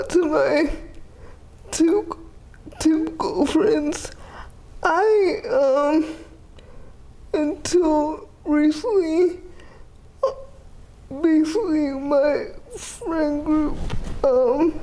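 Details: 30-year-old woman with GMFCS Level 4 cerebral palsy, quadriplegia with an athetoid component affecting arms, legs and trunk, uses a power wheelchair, repeated eye and hip surgeries; dysarthria.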